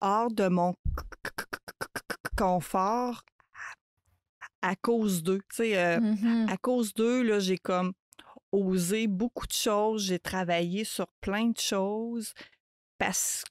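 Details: Adult woman who stutters, a mother of two, speaking French in a real podcast interview; stuttering.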